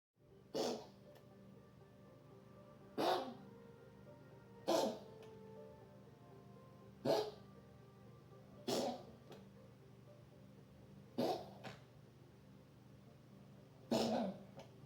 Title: Coughing 10/26/25